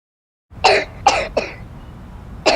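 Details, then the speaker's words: Child's cough in a cough syrup advertisement, described as recurring with weather change and pollution; cough. "मौसम बदलते ही खांसी बार-बार आ जाती है इसका कारण सिर्फ बदलता मौसम ही नहीं बढ़ता पोल्यूशन भी है"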